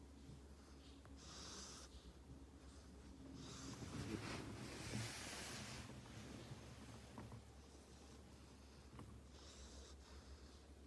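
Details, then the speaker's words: Tank, a sleeping dog, gives soft, airy snorts and breathy snores every few seconds over a steady low hum: gentle snoring. "Hi, I'm Tank. It's my snoring sound.(ASMR)"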